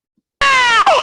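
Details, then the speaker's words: Control infant cry stimulus, a 5-second sample played very loudly, the same cry used for every mother listening in a brain scanner in a maternal stress study: a loud, high-pitched cry with falling pitch, then a brief second wail. "So I'm going to play just a 5-second sample of the control baby cry so that you kind of know how this cry sound will sound like, and then imagine yourself being in the scanner and then listening to this."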